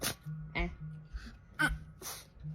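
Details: Several short, sharp nasal sneezes and snorts from a dog over a steady background hum.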